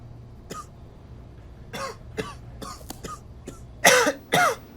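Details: Acted adult cough for a public health message about respiratory illness: a run of small suppressed coughs and throat clears, then two louder, harsher coughs.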